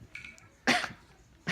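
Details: Young boy diagnosed with bronchitis at a doctor visit, coughing most of the night: one loud, harsh cough burst followed by the start of a second, in a quiet room.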